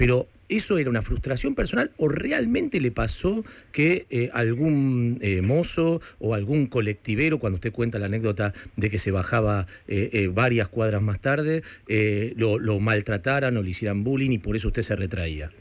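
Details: Adult male speaker; typical speech.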